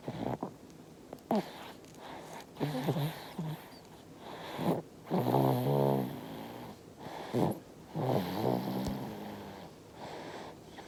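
Irregular snoring and snorting noises with brief voiced, grunt-like sounds from a sleeping infant in a quiet room; infant snoring.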